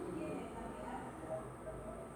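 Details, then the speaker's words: Vocal imitation of a continuous murmur of patent ductus arteriosus: an unbroken whooshing throughout the cardiac cycle, louder in systole than diastole. "Entonces los soplos continuos se escuchan en todo momento del ciclo cardíaco, pero más intensos en sístole que en diástole. Más o menos suena así."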